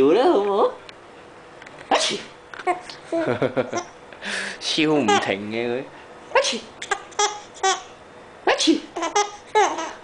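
Short sharp sneeze-like bursts among a baby's laughter and adult voices; sneezing.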